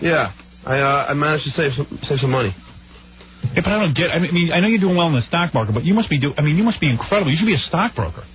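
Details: Adult man speaking, radio broadcast; ordinary conversational speech.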